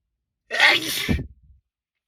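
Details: One forceful, wet, spraying sneeze in a car, with a sharp hissing burst followed by a low exhale; sneeze.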